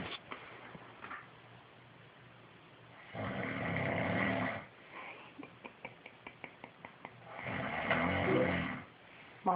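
Two long, loud rattling snores about five seconds apart, with quieter breathing and small clicks between them; snoring during sleep.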